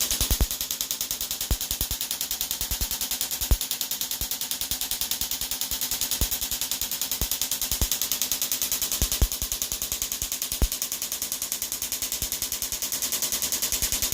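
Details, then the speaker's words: Rapid, steady buzzing pulses, about 200 a minute, with louder snaps, from an EPAT shockwave device at high hertz on a woman's Achilles tendon for bilateral tendonitis. "And this little kind of farting noise of the machine is that it's because it's very high in terms of the hertz, and if we leave it on, it makes this noise all day, and that's why when we're finished we turn it down."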